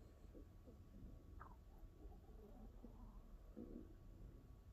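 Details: Low gurgling and rumbling bowel sounds from a hungry, empty stomach after forgetting to eat, recorded close to the belly for ASMR; borborygmi (stomach rumbling).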